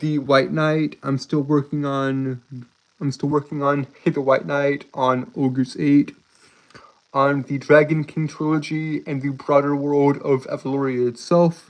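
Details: Adult male streamer who reports a speech impediment causing him to stutter and trip over his words; stuttering.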